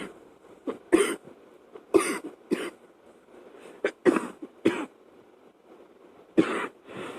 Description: Still from my last chest cold... sorry about the fan blowing it was at night and I was of course sleeping, when this fit came to choke me...